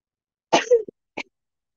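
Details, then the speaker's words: Adult lecturer apologizes for coughing repeatedly: two short, dry coughs in a quiet room, the first with a brief voiced tail; incidental cough. "maaf ya ini ya Saya batuk terus oke"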